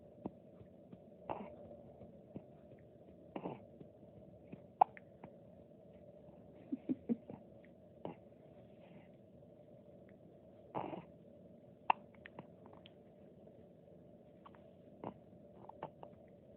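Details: A child's soft, brief hiccups recurring at irregular intervals over a quiet background hum.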